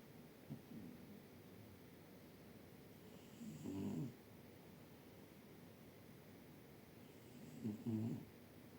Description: He found a cozy spot on my chair and decided to hide his face with his paw while snoring softly.